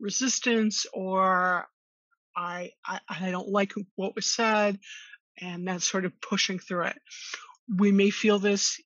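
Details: Stuttering in an adult woman who has stuttered since childhood, attended speech therapy growing up, and discloses her stuttering in job interviews; she co-hosts a webinar on workplace stress and anxiety for people who stutter.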